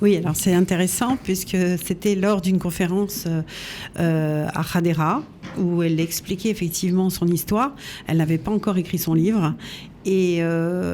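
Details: Adult woman speaking French; Normal fluent speech.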